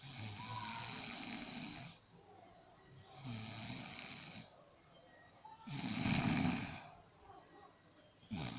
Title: My snore. Loud snore.